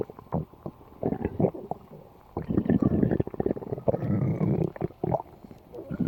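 Low, rolling gurgles and rumbles with bubbling pops over several seconds: ordinary stomach growling, a normal digestive sound.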